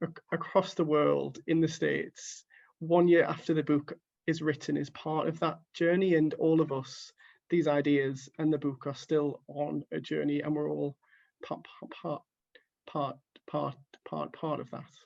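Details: Stuttering in an adult who stammers, reading quotes from a book at a live online stuttering event, with repeated word repetitions audible.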